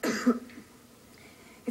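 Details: Single short, harsh adult cough with a slight throat-clearing quality during a TV news broadcast, followed by quiet room tone.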